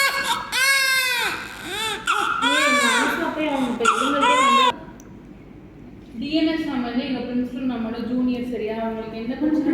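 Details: Loud rhythmic crying in repeated wails from a one-day-old newborn, described as hungry; adult talk is heard in the room.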